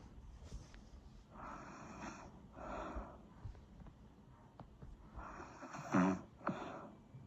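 Quiet, rough snoring breaths, some snorting, over a faint room hum; snoring.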